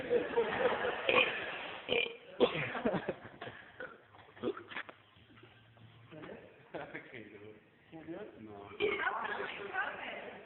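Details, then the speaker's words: Deliberate, long, loud, croaking burps drawn out over several seconds during a church burping contest, with talk and laughter around them; one continuous burp, described as still coming out; belching. "That was all part of the same burp, man. It was still coming out."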